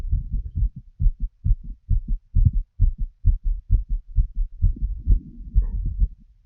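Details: Regular low lub-dub normal heart sounds from full heart auscultation of a woman while she smokes a cigarette, with faint rustle near the end.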